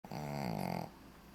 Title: Snoring of the Shih Tzu.